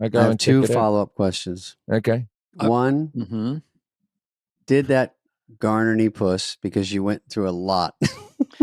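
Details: Adult male speaker; normal speech.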